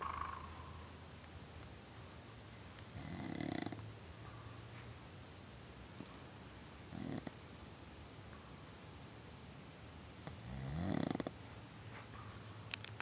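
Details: Harry snoring like a moose: three deep, rumbling, coarse vibrating snores a few seconds apart in a quiet room.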